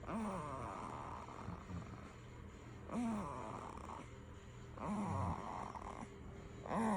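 Soft, rhythmic throaty snoring sounds with each breath, roughly every two seconds, in a quiet room; an infant snoring in sleep.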